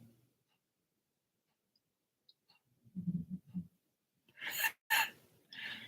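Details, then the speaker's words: Sleeping female dog: low grunting snorts, followed by loud, noisy snoring breaths. "You heard the snore? See? That's her. She snores so loud, it's unreal."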